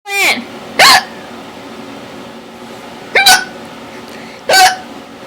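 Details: Four loud, abrupt squeaky hiccups at irregular intervals, some with a short vocal squeal, in a quiet room; painful, unusual-sounding repeated hiccups.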